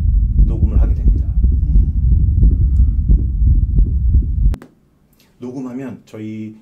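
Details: Heart sounds recorded with a home-use smart digital stethoscope over a guided chest point during a 20-second measurement: a muffled low thumping heartbeat at about 88 a minute, followed by device tones.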